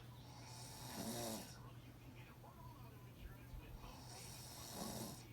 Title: My son snoring